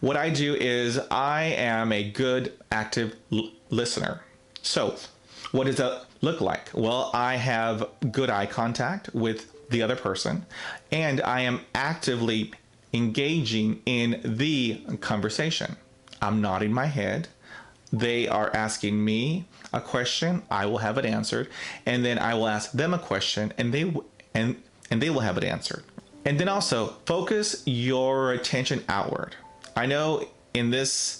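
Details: Self-identified person who stutters, with part-word and phrase repetitions; stuttering.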